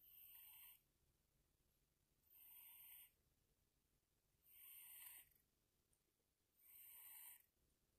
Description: One of our little kittens decided to take a nap on my husband's lap and ended up snoring.